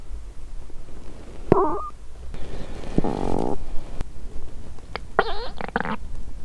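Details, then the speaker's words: Empty-stomach hunger growling recorded with a microphone pressed on the abdomen of a woman fasting over 17 hours, who also reports pre-period abdominal pain: several short low gurgles and rumbling squeaks over steady background noise; normal bowel sounds. ""एह!?"। "मैंने अपने पेट से जोर से गुर्राने की आवाज सुनी।""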